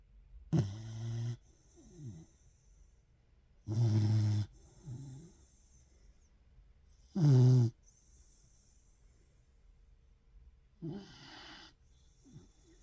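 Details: Sleeping dog snoring: low rumbling snores with softer breaths between them, about 18 a minute.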